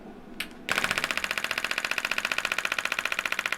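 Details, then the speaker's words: Rapid sharp clicking pulses at about 220 a minute, louder here, from a radial shockwave device on the inside of the heel at the plantar fascia attachment of a woman with plantar fasciitis for over 3 years. "this is a little louder so I don't know if you can hear me as well so I won't say anything important while we're doing this one"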